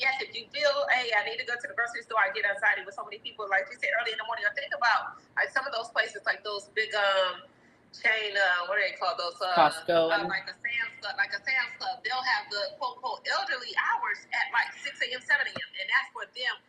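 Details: Adult stroke survivor with aphasia who says he loses thoughts and cannot think of words, and also reports a stutter; aphasia (word-finding difficulty).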